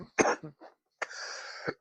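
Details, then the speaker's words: Streamer with stomach problems and wheezing during a live weather broadcast gives a short burst of two or three dry coughs, then a long airy throat clearing, wondering if getting sick; an ordinary cough. "Am I getting sick, too? Why am I coughing? Um, now my wheezing is going to be worse."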